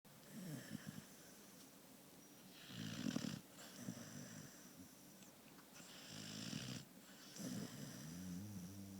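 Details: Sammy, an animal asleep beside the owner on the couch, snoring loudly: soft, rough, snorting sleep breaths at a steady pace, some with a faint whistle.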